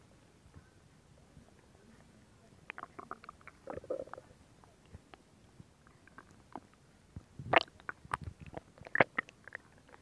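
Quiet stretch, then bursts of gurgling, bubbling and squeaky pops, ordinary stomach growling from moving gas and fluid.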